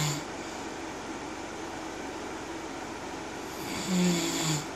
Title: Snoring hubby 😴😴😴